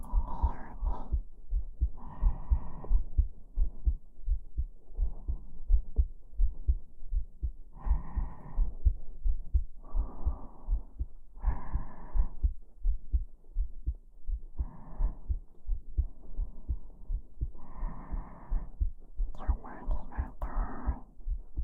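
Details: Heartbeat heard close against the chest while being hugged, in an ASMR recording: regular low thumps at about 85 beats a minute with soft breathing over them, an ordinary normal heartbeat.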